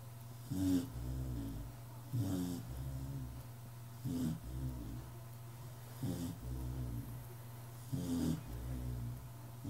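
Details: Ordinary snoring: regular rattling snores with each breath, about 30 a minute, over a steady low background hum.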